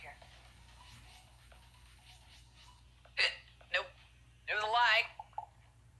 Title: Twitch girl hiccups